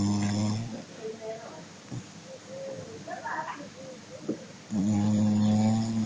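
Two loud, buzzing, tonal snores from a sleeping dog, with quieter breathing sounds between them.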